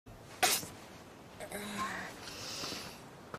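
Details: Sneeze of the animated rabbit character Haru from the show Beastars, not a real animal: one sharp sneeze burst followed by faint snuffling and breathing in a quiet room; a single sneeze.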